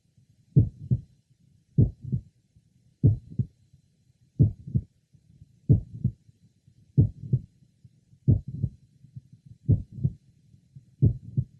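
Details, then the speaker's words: 22-year-old man with mitral valve prolapse (click-murmur syndrome) and a family history of it, heard at the apex and left lower sternal border: regular heartbeat near 47 per minute, mid-systolic click introducing a late systolic murmur. "if you listen carefully and specifically first for a midsystolic click and then a systolic murmur introduced by The Click both will be heard and were present at the Apex and left lower sternal B"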